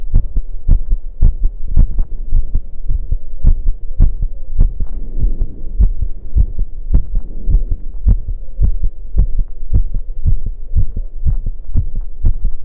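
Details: Heartbeat recorded after running: fast, steady low thumps at roughly 110 a minute, normal heartbeat quickened by exercise.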